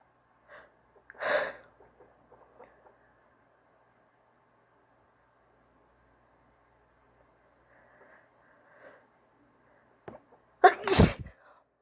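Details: Female with allergies, sneezes induced while her nose was tickly: two abrupt sneeze bursts, the second louder, separated by quiet breathing.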